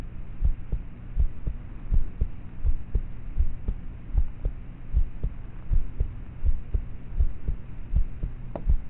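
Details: Normal heart sounds of a person about thirteen, recorded at night with a cheap mp3 player microphone: quiet, muffled regular heartbeat about 80 beats a minute under steady hum; poor quality, loud start/stop noises.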